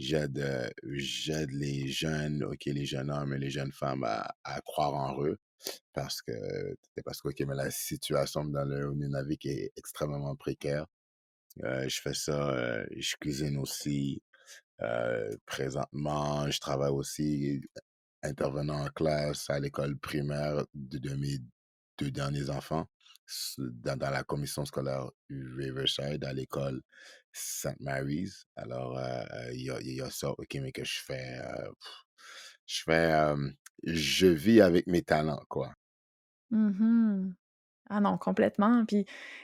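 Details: Adult man who stutters, speaking French; he rates his childhood stuttering as 15 on a scale of ten; stuttering.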